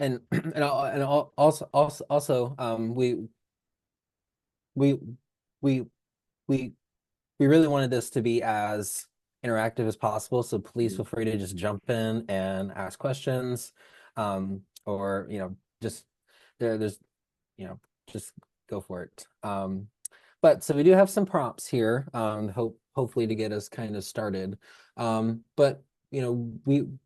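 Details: Lifelong stuttering in an adult speech-language pathologist who stutters; speech with repetitions; stuttering.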